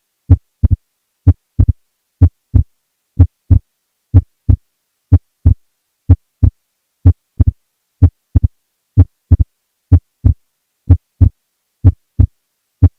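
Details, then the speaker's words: Wide splitting of S2 in a teaching recording: a regular heartbeat near 62 a minute. S2 is mildly split during expiration and more widely split during inspiration. "next we can have a wide split where S2 is mildly split during expiration and more dramatically split during inspiration"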